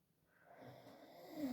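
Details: Sleeping dog snoring on a Monday morning in bed: a single soft, rasping breath growing louder as it draws in.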